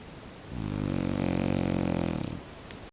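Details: Adult male (husband) snoring in sleep: one long, loud, rattling breath with a steady low buzz; snoring.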